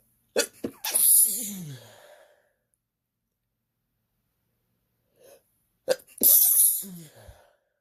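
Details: During a partner's attempt to make them sneeze, two sneezes, each with a short gasping build-up and then a loud explosive burst, with silence between them.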